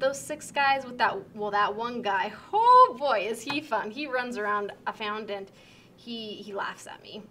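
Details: Acted moderate Wernicke's aphasia, an acquired language disorder with impaired comprehension; fluent, confident conversational reply with empty, out-of-context content; Wernicke's aphasia (acted).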